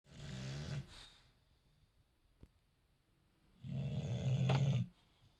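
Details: Bulldog snoring: two deep, rattling, growl-like snores separated by a quiet pause.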